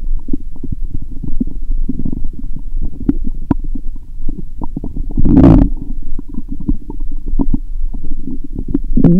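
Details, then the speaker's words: Bowel sounds through a stethoscope placed gently on the belly while lying down, after several lactic-acid drinks: near-continuous low gurgles and rumbles with one louder surge midway. ""My stomach is rumbling a lot 😳". "The sound of my stomach is getting louder 😅". "I can hear various sounds 😅"."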